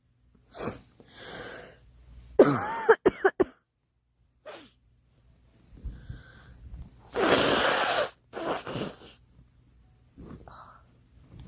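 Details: A girl gives bouts of repeated coughing with short breaths between fits, in a quiet room; cough.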